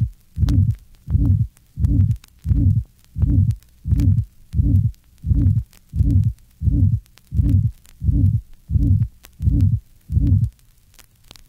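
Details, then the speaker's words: Patient with severe aortic stenosis, recorded at the apex. Regular heartbeat about 87/min with a musical, humming, higher-pitched ejection mid-systolic murmur transmitted from the aortic area. "this recording is taken from a patient with severe aortic stenosis note the musical quality of a mid-systolic murmur recorded at the Apex"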